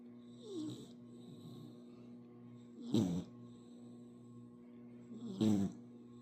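Short snorting snores about every two and a half seconds over a steady background hum: a puppy snoring in sleep.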